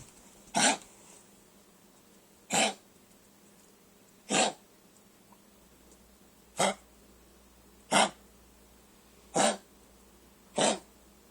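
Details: A 12-year-old Chihuahua with kennel cough gives seven short, dry, harsh coughs spaced a second or two apart.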